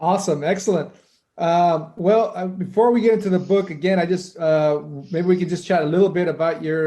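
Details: Adult man; typical speech.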